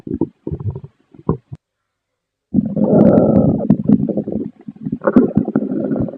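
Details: Short gurgles, then a long, loud bubbling rumble with more gurgling after a pause: stomach growling after eating pasta, ordinary bowel sounds (borborygmi).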